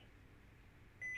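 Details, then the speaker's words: Philips HeartStart Onsite AED demonstration on a training setup, pads placed on bare chest during simulated cardiac emergency; voice prompts "no one should touch the patient, analyzing", then steady high electronic alert tone before shock advised. "no one should touch the patient i'm clear you're all clear no one should touch the patient analyzing"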